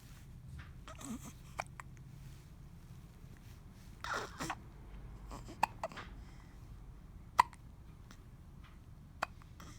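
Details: Baby with hiccups: several soft, sharp hiccups over ten seconds with faint breathing and small vocal sounds between; ordinary infant hiccups.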